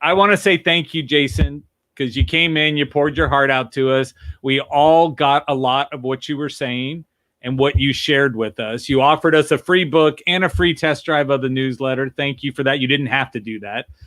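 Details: Adult male speaker; no speech disorder.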